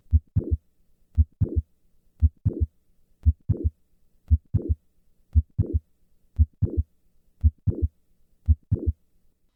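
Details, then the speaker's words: Mitral valve prolapse click-murmur heard at the apex with a squat maneuver. Squatting moves the click and late systolic murmur later in systole. Click-murmur with squat maneuver. "listen once again to the change in the click murmur with the squat maneuver squatting"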